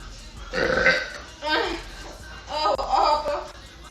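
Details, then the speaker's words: Burping in a woman: three long, loud voiced belches in a row, with faint background music. "Okay, sorry, I can't stop now. Once I've begun. Here's one more."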